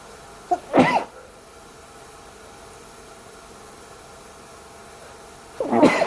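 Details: Sneezes covered with a towel: two muffled sneezes, each with a short intake before it, several seconds apart in a quiet room; ordinary sneezing.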